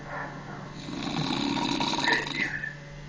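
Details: Adult man (uncle) snoring: a single harsh, rattling snore on inhalation, with faint room noise.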